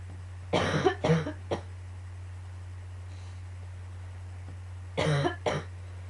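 Two short bouts of harsh coughing, three coughs then two, over steady room hum.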